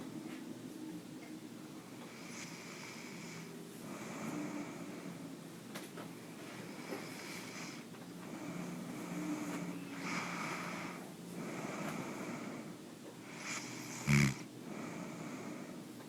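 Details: Man snoring during sleep: repeated rough snoring with each breath against steady room hum, ending with a louder snort.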